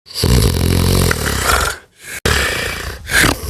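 Loud, rough, rattling breathing sounds with low vibration, broken by a brief pause, then another noisy breath; consistent with heavy snoring.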